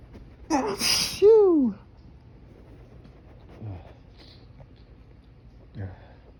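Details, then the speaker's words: Strong morning allergy sneeze outdoors in breezy, pollen-filled air while trying to hold it back with fingers pressed to the nose: sharp intake, forceful sneeze, drawn-out falling vocal release, then quiet sniffs; held-back sneezes said to come stronger. "that's what I a get for trying to hold them back when I try to hold them back I I just get stronger"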